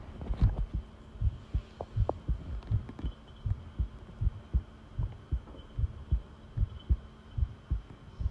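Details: Long-duration heart sound recording: steady low thumping heartbeat at about 76 beats per minute with a faint background hum; normal heart sounds.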